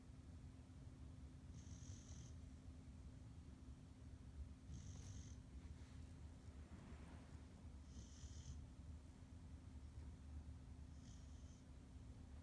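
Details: Pit bull dog snoring: four brief hissing breaths about every three seconds over a steady low hum.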